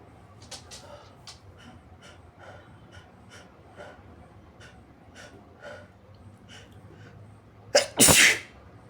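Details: Adult sneezing, induced by tickling the nose with paper tissues while trying to hold back: soft rustling and sniffing, a quick catch of breath, then one strong, wet sneeze.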